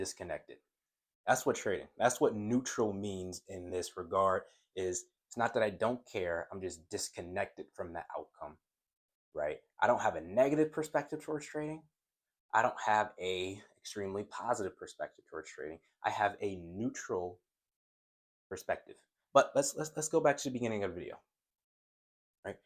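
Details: Adult male who says he stutters, and stutters more when excited about a topic; word repetitions are heard; stuttering.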